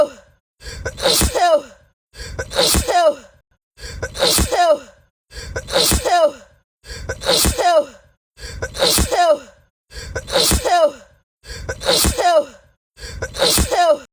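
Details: Black woman sneezing on camera, tagged allergies: the same sneeze repeats nine times in an edited loop, each a short indrawn breath then a sharp, voiced "achoo" burst.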